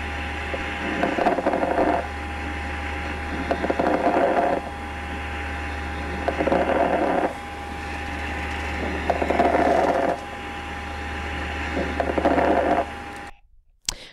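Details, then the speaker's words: Lung crackles, heard particularly at the lung bases, as in pneumonia: repeated breaths carrying fine popping, crackling sounds over a steady low hum. "that's an oscillation what crackles can sound like particularly in the base of the lungs the patient may have a decrease in Oh two SATs"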